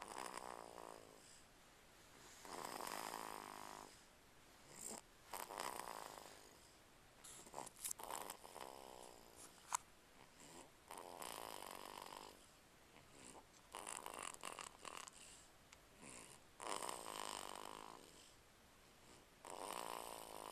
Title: Snoring.MP4